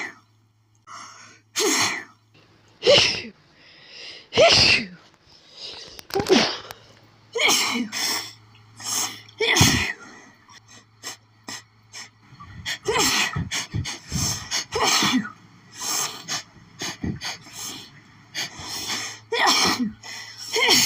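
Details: Adult with pollen allergy after sniffing lilies, repeated intense fits: sneezes over and over in rapid succession, a sneezing fit.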